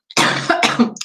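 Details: Two harsh cough bursts in quick succession from an adult woman with a bad cold and cough, during a live stream; cough.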